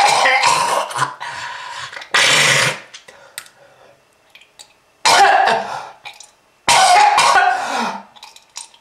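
Acted bout of harsh, hacking, wet-sounding coughs with gasps between, imitating a heavy smoker's cough.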